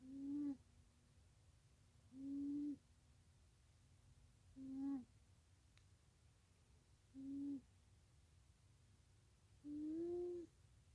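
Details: my cat Missy snoring: five tonal, humming snores about every two and a half seconds over quiet room noise; harmless sleeping-cat snoring.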